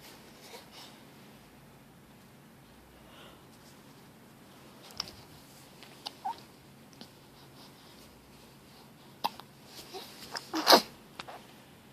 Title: Hiccups